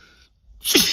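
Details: Male, sneezing induced with too much Chhinkni snuff: a brief pause, then the sharp onset of a forceful sneeze, cut short.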